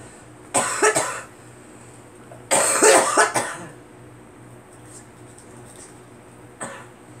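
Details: Girl coughing: two short bouts of harsh, repeated coughs, then one last brief cough, with quiet background between; ordinary coughing.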